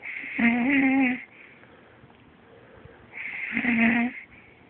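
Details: Snoring from a woman, medium to medium-loud and louder than usual: two drawn-out, tonal, buzzing snores about three seconds apart with quiet pauses between them.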